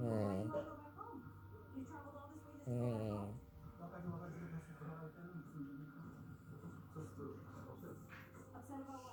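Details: Loud snoring from a dog: buzzing snores at about 23 breaths a minute with quieter rumbling breaths between, faint room noise.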